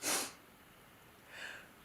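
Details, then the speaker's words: A single sharp, explosive sneeze followed by a quieter breath, coming suddenly after eight minutes of being fine, from a sneeze compilation. "who's about sneeze but see it just came from nowhere been fine for eight minutes"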